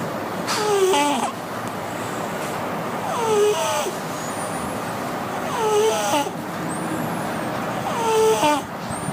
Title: Cat snoring - The wheezy snore